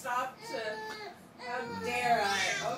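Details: Short bursts of a newborn's fussy crying while being given vitamin D3 drops on the bottle nipple, with an adult voice talking over the latter part; infant cry.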